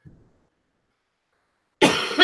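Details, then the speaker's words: A single short, harsh cough with no rattle or wet quality from an adult recovering from an illness who still has a runny nose and thinks the cough comes from it; dry cough. "I've got this dry cough which is totally annoying and I apologize in advance but I think it's just from my nose running so much"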